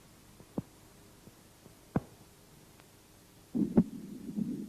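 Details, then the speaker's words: Normal heart sounds auscultated at the heart base: slow, sparse beats with a loud, sharp second sound (from closure of aortic and pulmonary semilunar valves) and a faint first sound; S2 louder than S1. "в норме у основания сердца второй тон громче 1 2 диастолический тон возникает в результате захлопывания и колебаний полулунных клапанов аорты и легочной артерии"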